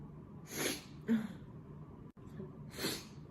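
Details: A young Taiwanese woman who says she has nasal allergies gives two or three explosive sneezes with sharp in-breaths between them. The sneezes are set off by a nasal swab test, repeated in each nostril, in a quiet room.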